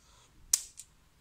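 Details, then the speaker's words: A single sharp snap, then a faint second click, as a spring-loaded lancing pen fires; the lancing device of a SugarCheck Advance blood glucose monitor, cocked and locked before use. "it has to be locked like this and do this this it will going to hit your finger and Pierce it"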